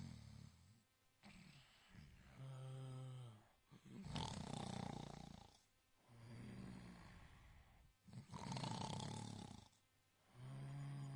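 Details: Long snoring sound effect.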